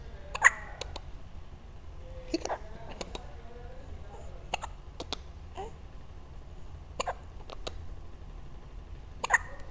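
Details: Hiccups, with the person recording unsure whether they are uterine contractions: sharp, brief clicks repeating in small clusters against a low steady hum.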